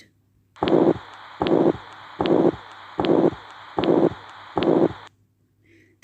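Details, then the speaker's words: Ventricular septal defect: six regular heart cycles near 76 a minute, each filled by a harsh, even, high-pitched holosystolic (pansystolic) murmur. It is heard at the left lower sternal border, with no radiation and variable intensity. "is the murmur that you heard is pansystolic murmur seen in ventricular septile defect. This murmur is heard at left lower sternal border."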